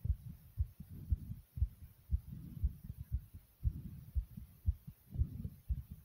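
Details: Own heartbeat: soft, regular low thumps at about 115 a minute over a faint hum; steady heartbeat.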